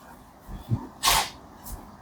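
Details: Single sharp, hissing sneeze after a short in-breath, during a chiropractic session for posture-related muscle stiffness and pain.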